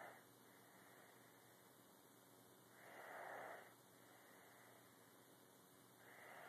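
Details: Someone snoring like Grandpa: soft, noisy breathing that swells and fades in a slow rhythm, about 19 a minute, with steady background hiss: light snoring.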